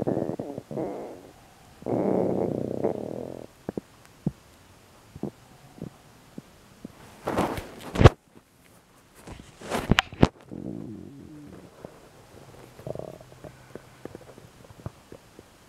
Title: MVI 1134 stomach ulcer sounds